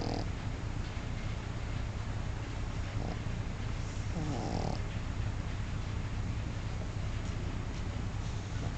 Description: My dog MM snore, turn the volume louder